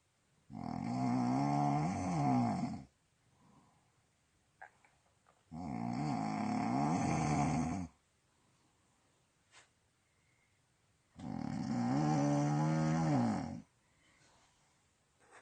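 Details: Adult snoring, recorded by another person: loud, rattling snores on each breath in, about 12 breaths a minute, with quiet pauses between.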